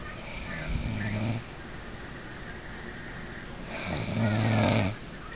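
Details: Person snoring: two loud, rough snoring breaths with a low rattling buzz, separated by a long quiet exhale. Snoring.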